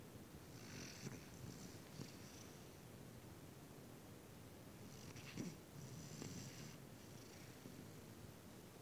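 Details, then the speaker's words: Sleeping individual: soft, rhythmic rumbling breaths with light snorts in a quiet room; snoring. "Why are you snoring? I'm so sleepy."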